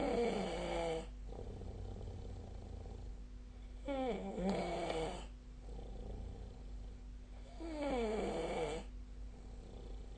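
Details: Soft, rattling snores roughly every four seconds over steady room hum; sleep snoring recorded with the SnoreLab snoring app.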